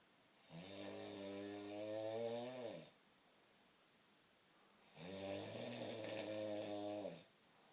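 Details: Sleeping male giving two long, loud, buzzing snores, each about two seconds, separated by quiet pauses, with a rough vibrating tone; heavy snoring.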